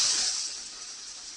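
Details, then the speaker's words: A brief steady hiss of gas flow that slowly fades from a bellavista ventilator during its pre-use checkout, as it automatically runs the flow sensor calibration in the reverse direction; ventilator flow sensor calibration airflow. "As a next step, the calibration of the flow sensor in reverse direction is performed. So I turn the flow sensor around and automatically a number of flows are applied."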